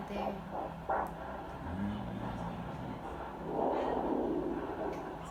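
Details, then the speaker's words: Handheld Doppler at about 18 weeks of pregnancy: fast whooshing pulses through static at about 160 beats a minute, top of the stated 110–160 normal range, a normal fetal heartbeat. "110 to 160 is normal range baby's heartbeat is twice as fast as your heartbeat"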